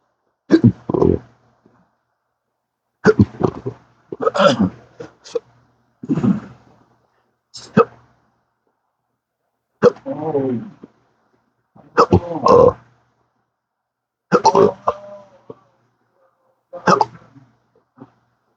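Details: Chronic intractable hiccups since December 2015, after surgery that left multiple nerve damage, with daily 12-hour episodes and occasional burps, not responding to treatments: about nine abrupt voiced hiccup clusters in eighteen seconds, some with a short vocal note.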